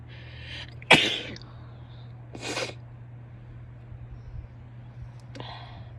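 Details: One forceful sneeze from a female, followed by a softer sneeze or sniff, over a steady low hum.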